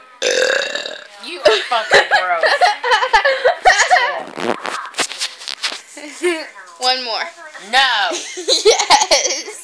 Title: Me burping